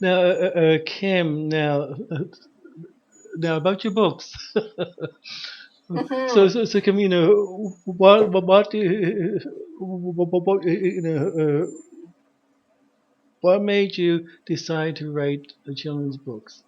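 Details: Stuttering in an adult man who describes himself as a person who stutters.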